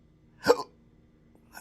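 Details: Intractable hiccups since December 2015 after a bad surgery outcome with multiple nerve damage (pudendal nerve injection, phrenic and vagus nerve involvement): a single sharp hiccup with a short voiced catch, quiet, then another starting.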